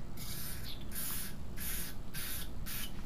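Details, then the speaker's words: Topical numbing nasal spray given to an adult man before esophageal manometry catheter insertion through the nose: several short hissing spray bursts with steady low room rumble. "I want you to swallow it down when it gets to the back of your throat it'll make you feel like you have a stuffy nose but it tastes really dreadful so don't spit it out into your mouth"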